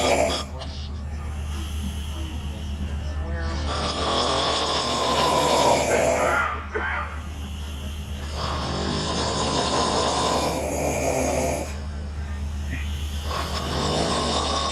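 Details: Two young women snoring hard after a night of drinking: loud, rough, rattling snores in repeated cycles of a few seconds over a steady low hum.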